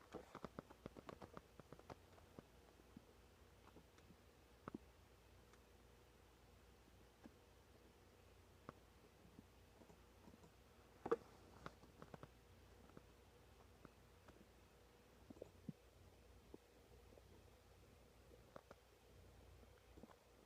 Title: Stomach Noises 3